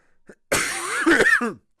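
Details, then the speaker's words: Adult male streamer says he is still coughing, possibly wheezing, during a game stream; cough. "as you can hear I'm still coughing perhaps even wheezing if you're so inclin"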